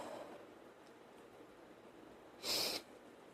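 A single short, sharp burst of air, a sneeze, in an otherwise quiet room.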